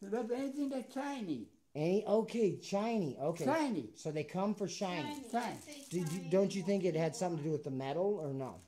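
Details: Adult speaker; ordinary speech.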